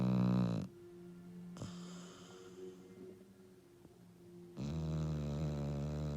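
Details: Low, droning, whistly snores at the start and end with a softer whistling breath between, from a sleeping female dog; snoring.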